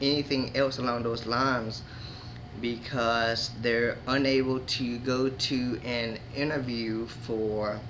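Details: Man who describes himself as a stutterer with moments of disfluency; stuttering.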